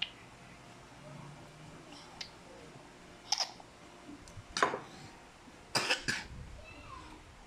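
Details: A child's cough: several short, sharp coughs, about four brief bursts with quiet pauses between some, in a small quiet room, during home herbal treatment with oregano.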